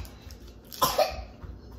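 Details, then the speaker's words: A young child, a preschooler described as having a hideous cough, gives one short, harsh cough in two quick bursts against quiet room noise. "You hear that cough? got a hideous cough. Okay. You got a hideous cough, huh?"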